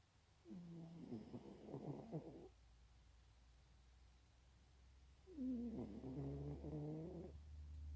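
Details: Cat snoring while asleep: two long rumbling, fluttering snores about four seconds apart, with quiet pauses between.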